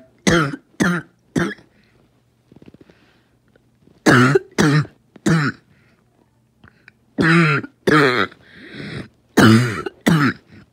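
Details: Asthmatic coughing fit: repeated harsh, throaty coughs in runs of two or three, with a strained, noisy breath drawn between runs, described as choking.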